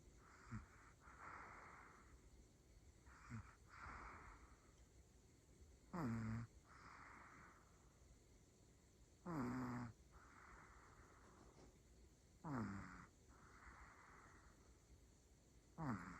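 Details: A sleeping female Pomeranian puppy gives soft, snorting, person-like snores about every three seconds with quiet whistling breaths between.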